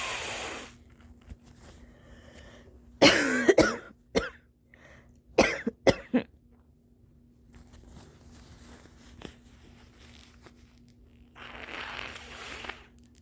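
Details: An adult with early-morning nasal congestion, blamed on the Texas weather: loud bursts of wet, congested coughing with a stuffy nose, over a steady background hum.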